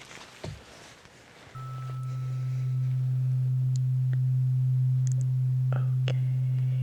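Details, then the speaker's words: Steady low pure hum of a larger vibrating tuning fork held in place for a Weber test; a role-play ASMR ear exam for tinnitus in which the tone is reported equal in both ears. "so you can hear that pause here all right let's try again with the Weber test placing it"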